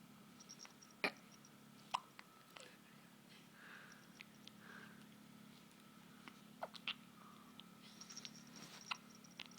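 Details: A newborn baby's hiccups: soft, sharp catches at irregular intervals with a slight gag, in a quiet room with a low steady hum.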